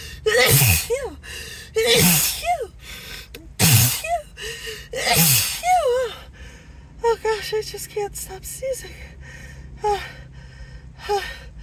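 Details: Acted, announced sneezing fit: four loud sneezes in a row with gasping in-breaths, then whimpering; the sneezer apologizes and suspects an allergy.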